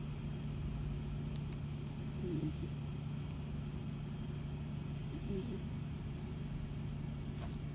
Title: My cats snoring and purring while sleeping.